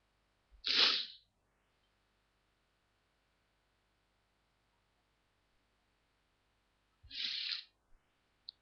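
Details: Two short, hissing, partly held-back sneezes separated by silence: deliberately stifled sneezes on request, followed by nose blowing.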